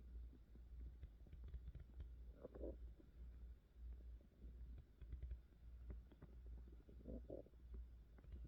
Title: Food, how to stop Hunger Pains? Hunger Pains, Stomach Noises, Stomach Growling, Wendy